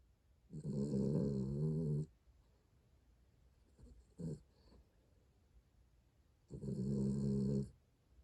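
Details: Snoring of Hodu (recorded 21.11.4): two long, rough, rumbling inhaled snores about six seconds apart, with quiet in between.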